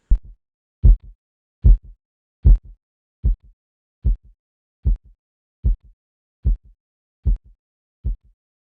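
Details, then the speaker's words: Korotkoff phase 4 into phase 5 during cuff deflation: regular tapping, about 75 a minute, becomes muffled, softer, then disappears; diastolic pressure is taken where the sounds vanish. "cuando se amortigua el sonido ingresamos a la fase 4 o primera diastólica"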